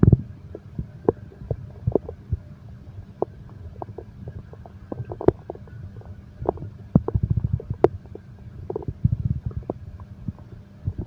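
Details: Bowel sounds (borborygmi, stomach growling) from a relaxation recording that combines heartbeat and stomach growl sounds.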